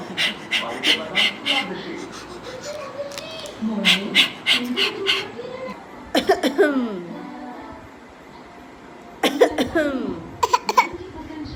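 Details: 10-month-old baby boy imitating coughing on purpose: run of short, deliberate cough-like bursts between babbling squeals; voluntary cough.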